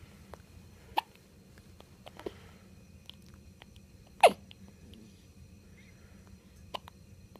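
Several brief, sharp, high hiccup-like clicks over a quiet hum, one louder hiccup midway; hiccups.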